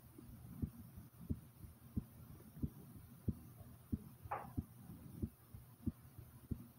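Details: Own heartbeat: steady, regular beat of about 92 beats a minute over a low background hum; normal heartbeat.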